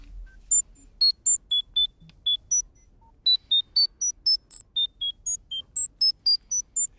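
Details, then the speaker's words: Example of a personalized sound therapy for tinnitus (acúfenos) of the kind used in patient trials: a rapid sequence of short pure-tone beeps at varying high pitches. "Vamos a escuchar cuál sería eh cómo sonaría una terapia contra una acufe, ¿no? Sería esto."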